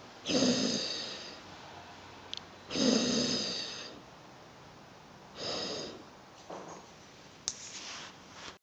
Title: Crispy snoring...